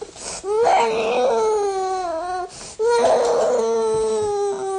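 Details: Infant protest crying: two long, loud, tonal wails with a brief breath between, not a pain cry.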